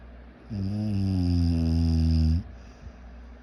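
A single long, loud, low buzzing snore lasting about two seconds, against a faint high background whine.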